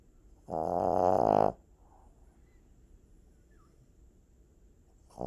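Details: Sleeping puppy snoring heavily: one loud, buzzing, fluttering snore about a second long, then quiet until the next breath.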